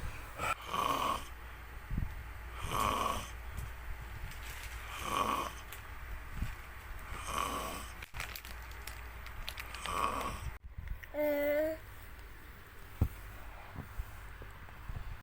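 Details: Regular buzzing snores during sleep, about every two to two and a half seconds (roughly 25 per minute), over steady room hum; snoring.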